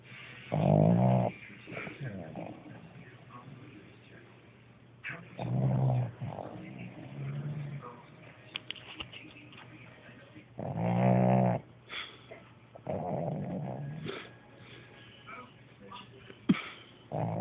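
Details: Sleeping dog snoring: irregular low rumbles with snuffling and grunting between them.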